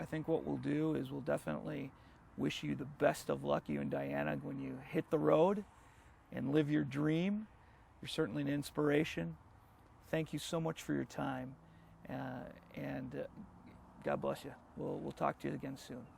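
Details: Adult male speaker; normal voice.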